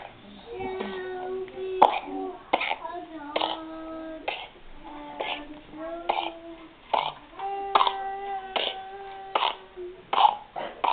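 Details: Two-month-old infant, not yet vaccinated, with pertussis (whooping cough): a run of short, repeated coughs broken by strained, high-pitched squeaking breaths.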